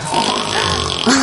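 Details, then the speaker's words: Husband's loud, harsh, rattling snore with snorting, grunt-like quality during night sleep, likened to a train whistle, keeping his wife awake, he unaware of it; over background music on a sleep centre segment; snoring. "정말 크겠네요. 진짜. 발로 차이지 않으면 다행이에요. 코골이랑. 본인은 모르시겠죠? 모르죠. 네. 아이고. 기차화통 소리 같아요."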